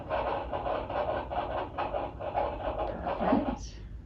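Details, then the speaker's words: Fetal heartbeat on Doppler at a prenatal appointment at 35 weeks pregnant, baby boy: rapid, regular whooshing pulses at about 140 beats a minute. "Dan loves to hear the heartbeat oh yeah sure it is nice isn't it"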